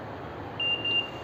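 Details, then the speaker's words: Philips Respironics Trilogy ventilator connected to a test lung. Two short, high confirmation beeps sound as the alarm and down buttons are pressed to change circuit type to active, over low room noise. "As I said earlier, press the alarm button and down button."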